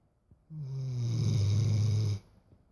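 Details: Snoring: one long, low, droning snore lasting under two seconds.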